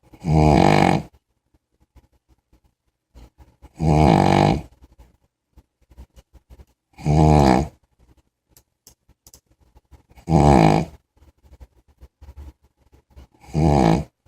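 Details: Snoring in a sleeping big puppy: loud, rough snores about every three seconds, roughly 19 a minute, with quiet pauses between.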